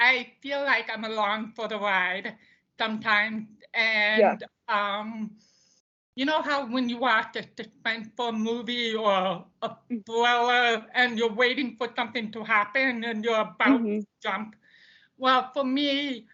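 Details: Deaf speech of a woman deaf since birth, diagnosed at 18 months, bilateral hearing aids until college, now cochlear implants; she reports poor volume control and speaking loudly.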